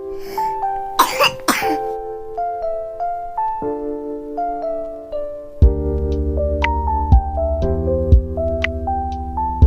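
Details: Baby cat coughing, with background music.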